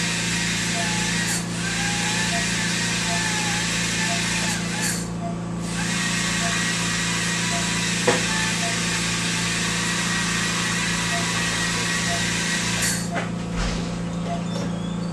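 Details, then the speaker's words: Steady hissing spray with constant motor hum and faint clinking as debris is rinsed from the teeth of an anesthetized dog after ultrasonic scaling and polishing; a dental unit water rinse. "we're going to rinse in between rinse all the extra debris any couches anything else like that off"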